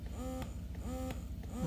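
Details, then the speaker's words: Updated Baby Buddha electric breast pump in its second stimulation mode, long strong sucking pulls: a steady motor hum with rising pulls repeating about every 0.7 seconds. "so they have two different stimulation modes one that's just a straight burst and one that's like in the original pump that does the sucking with the long pole"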